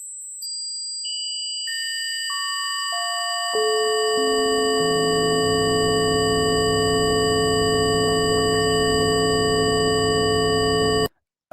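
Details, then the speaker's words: Simulated tinnitus: layered steady ringing tones building into a constant piercing drone, imitating what the person says they hear 24/7. "Okay, that's my tinnitus. Okay, that is what I hear 24/7 a day."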